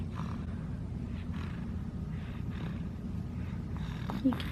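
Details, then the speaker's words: Baby who woke up with a stuffy nose breathes with a low, rattling snuffle on each breath; nasal congestion (snuffly breathing). "This baby woke up with a little stuffy nose."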